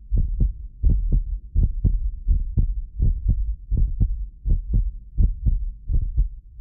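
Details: Steady low lub-dub heartbeat at about 83 a minute from a medically fit adult, recorded with several precision contact microphones. The occasional doubled click is a microphone-delay artefact. Normal heart sounds.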